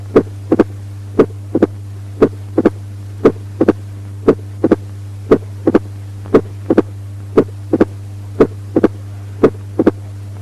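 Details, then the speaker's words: Opening snap of mitral stenosis: regular heartbeat near 58 per minute with a sharp snapping extra sound 40 to 120 milliseconds after the second heart sound. "Opening snap of mitral stenosis occurring 40 to 120 milliseconds after the second heart sound with a sharp snapping quality."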